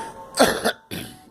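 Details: Brief cough from a girl, one burst with a second push at its end, followed by quiet room noise.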